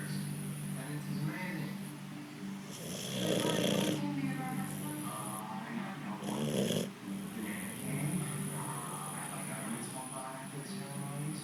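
Slow, rough, rattling breaths in and out from a sleeping dog, with steady background music; snoring.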